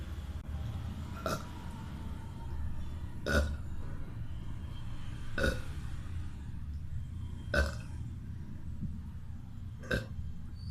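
Five short burps spaced a few seconds apart over steady low background rumble.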